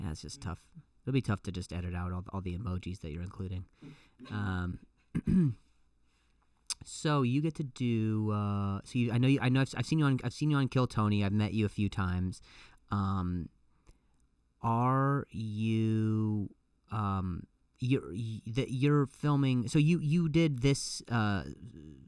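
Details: Adult male comedian who stutters and says it has gotten a lot better over the years; clip has repeated words and phrases; stuttering.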